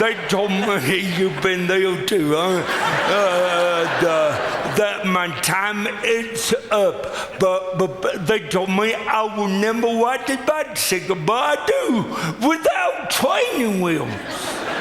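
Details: Adult man with lifelong cerebral palsy; speech dramatically affected by the disability; dysarthria (cerebral palsy).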